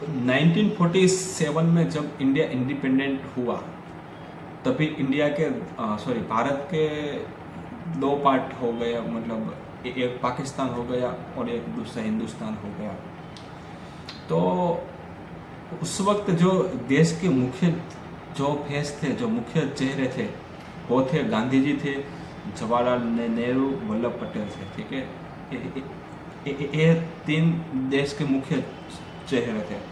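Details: Adult man who has stammered since childhood, doing daily breathing, tongue, lip and tongue-twister practice for three to four months; storytelling and reading exercise; stuttering.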